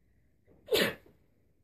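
A single short, sharp sneeze burst after a brief inbreath, in a quiet room.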